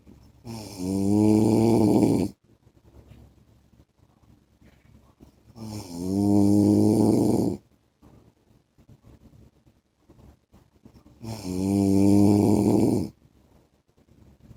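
Loud, regular rattling snores on each in-breath, about 11 breaths a minute, with quiet out-breaths between.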